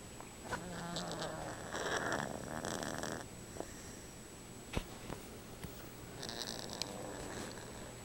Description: a cat named oliver... you guessed it snoring